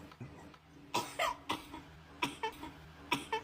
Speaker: अरे क्यों आ रही है खांसी इंफेक्शन हो गया होगा